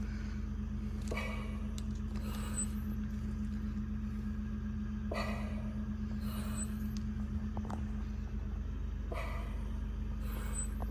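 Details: Zoll EMV+ transport ventilator on a homemade compressed-air setup ventilating a training airway manikin, FiO2 lowered so compressor kicks in: loud low compressor rumble with gas bursts about every four seconds, roughly 15 a minute.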